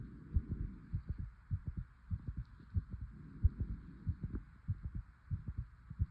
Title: Fast heartbeat 💓 #heartbeat #heartsound #heartbeating #heartbeats #cardiophile #cardiophilia